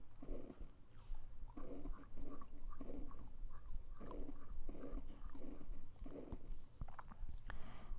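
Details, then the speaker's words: Harsh whooshing murmur with each beat, filling systole from S1 to S2, heard in the mitral area; pansystolic murmur of mitral regurgitation. "so you can see there is a pan systolic murmur starting from S1 to S2 and going all the way so this is a mital regurgitation murmur in the mital"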